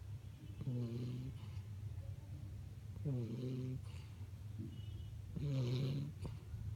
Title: Puppy snoring.